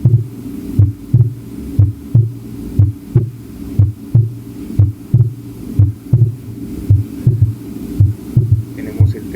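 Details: Third heart sound (S3) played during a cardiovascular examination class.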